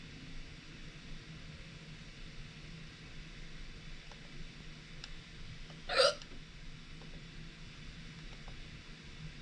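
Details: Recorded hiccups with no talking: a single sharp, abrupt involuntary hiccup over quiet room noise.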